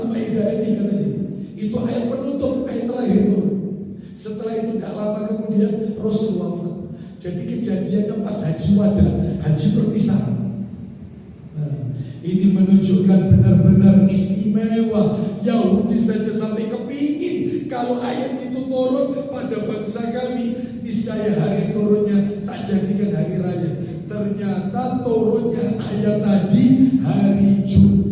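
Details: Dysphonia in a man with a self-reported vocal cord disorder of almost 2 months, improving but still forced.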